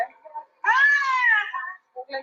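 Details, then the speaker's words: Soft whimpers, then a single high, whiny cry of about one second from an irritable, restless 1-year-old boy in respiratory distress on day 1 in casualty, with cough, difficult rattling breathing and reduced feeding. "Please pay attention to the observations. See the restlessness, irritability, and the voice."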